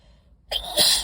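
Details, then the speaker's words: Sneezing fit set off by inhaling dust from library books, with a stuffed-up nose during low pollen: a brief quiet intake, then a single sharp, forceful sneeze, one in a run of sneezes. "um oh I'm gonna sneeze whoa so they've actually been like dry like as far as mess until just that one right there"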